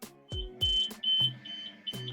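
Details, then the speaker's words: Collision detector alarm on a radiotherapy machine: high-pitched electronic beeping triggered when pressure or force is applied to the detector, alerting that a patient or the treatment table may be pressing against it. "otro sistema de alarma también es con el epp y que si fijamos que presionamos o hacemos una fuerza sobre el 'pique' éste emite una alarma y da una alerta"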